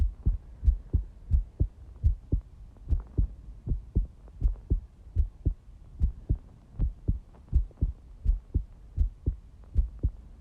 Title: Quick heartbeat recording